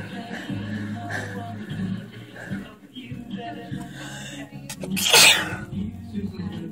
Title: Sneezing on a picture frame MUST WATCH.